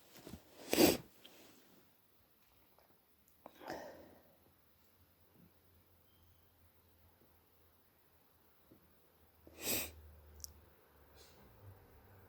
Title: Hayfever/early cold sneezes with a snotty nose blow